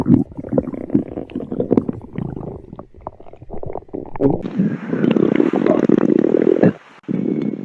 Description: This video is for my best friend @veryhardmasterkid3449, it’s because he loves listening to my stomach growls